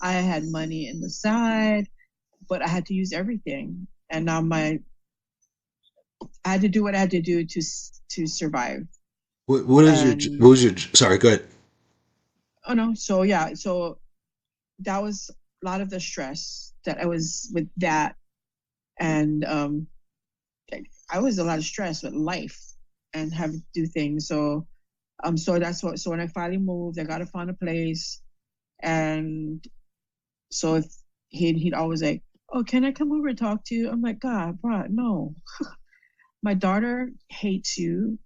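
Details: Adult female stroke survivor with aphasia after a stroke, with word-finding difficulty.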